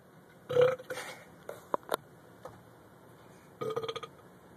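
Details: Man burping on demand: loud voiced belches, a long one then a rattling second, with small throat sounds between; deliberate burping.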